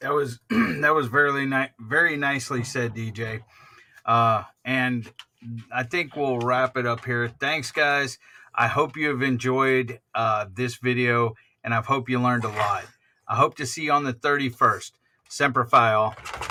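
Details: Adult man speaking; ordinary speech.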